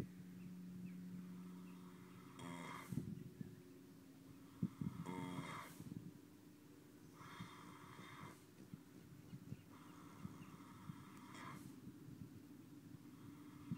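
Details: Repeated rough, fluttering breaths from a horse, about four in fourteen seconds, over a steady low outdoor hum; horse snoring.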